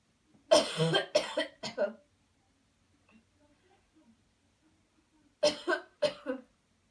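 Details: Coached voluntary coughing demonstration after guided deep breaths: two bursts of strong deliberate coughs, three then two, separated by a quiet pause; forceful voluntary coughing.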